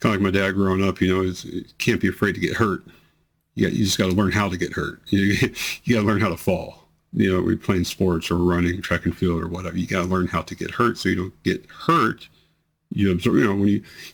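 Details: 43-year-old man with multiple system atrophy, 2 years 3 months into the disease, reports worsening slurring, words delayed about half a second, hesitation to speak, and tremor affecting his voice; dysarthria in multiple system atrophy.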